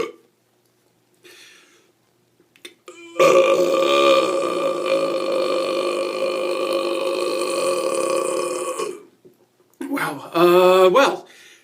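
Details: Adult man deliberately burping on camera as part of a commercial audition: a long, loud, rumbling voiced belch lasting several seconds, then a shorter second belch.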